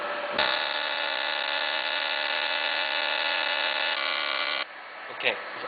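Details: Fractional CO2 skin-resurfacing laser, demonstration scan: steady high-pitched electronic buzz for about four seconds, then stops with a click as the laser fires a scan pattern.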